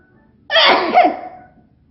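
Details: One loud, explosive sneeze with a sharp burst fading into a voiced tail, followed by complaint that paper is itchy and hot; a single sneeze.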